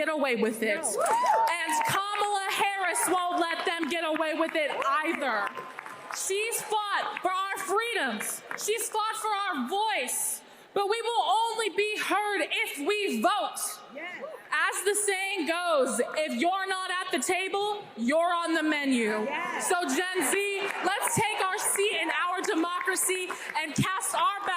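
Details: Adult woman, public speech; Ordinary speech.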